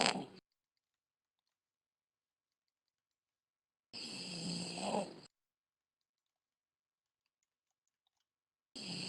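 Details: Adult woman snoring: rasping snore bursts separated by dead silence, possibly from cut or gated audio.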